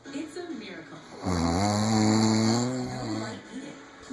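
A single long, loud, deep vibrating snore on a breath in, after a quieter stretch: heavy snoring.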